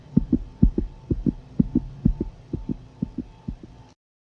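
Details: Veterinary ultrasound of a pregnant dog: rapid, regular whooshing double pulses of a puppy's fetal heartbeat.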